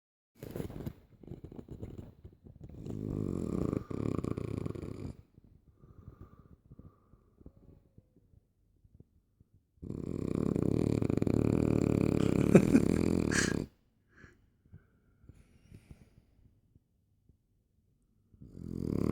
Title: bulldog snoring